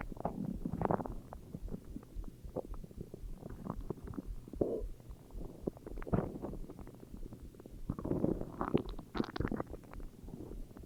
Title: Stomach growls